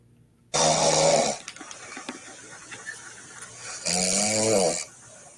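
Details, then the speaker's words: Woman snoring during sleep, recording possibly made by her partner: two loud, harsh, hissing snores with a short quiet breath between them. "oh no she's lightweight but she's snoring but let's listen to this"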